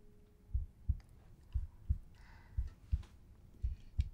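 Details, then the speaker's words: Dog (Honey) heard by stethoscope on the chest after a recent operation: steady paired lub-dub thumps at about 57 beats a minute, a normal heartbeat. "is it I think her heart beating that's right is it going love dub love dub love dub no that's perfect that's great sounds sounds really good really happy with her"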